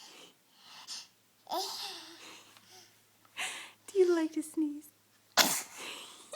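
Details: A baby girl sneezing: child babbling and adult voices, then one abrupt, explosive sneeze near the end.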